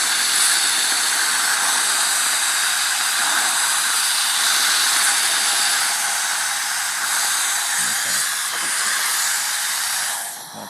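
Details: Loud continuous rushing hiss of strong air suction throughout, a dental high-volume suction running at full power, heard during a comparison of Isolite, Isolation and Kona adapter mouthpiece isolation systems.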